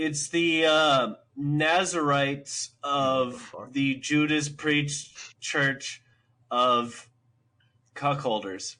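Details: Dysarthric speech in a man with cerebral palsy; he says it is not a stutter.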